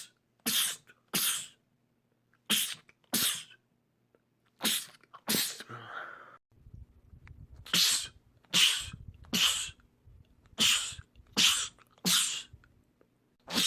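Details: About thirteen sharp, hissing sneezes in quick runs with brief pauses between: a rapid sneezing fit by men, from a compilation.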